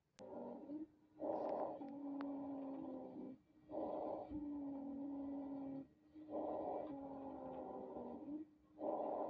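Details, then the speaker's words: Teaching audio of wheezes: continuous, musical, high-pitched whistling breath sounds, like rhonchi but higher-pitched, heard mainly on expiration, from narrowed airways. "tienen las sebilancias es muy continuo es musical como el roncud pero a diferencia del Roku este tiene el timbre más agudo y se va a escuchar como un pitido otra diferencia que tiene es que predominan en espiración nada más"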